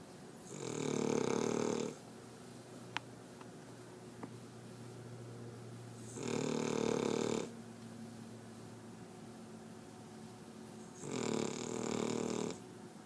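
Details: Female dog snoring very loudly while asleep: loud, rough, rattling snores about every five seconds, roughly 12 a minute, over steady room noise; heavy snoring.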